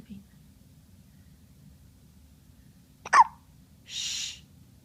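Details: One loud, abrupt hiccup in a quiet room, followed by soft shushing; a single ordinary hiccup.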